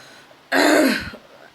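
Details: A single forceful, harsh, rasping throat clear under a second in a quiet room, from an ill adult who is coughing, with a sore throat and a deepening voice.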